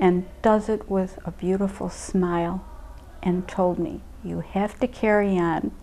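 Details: Adult woman speaking; typical speech.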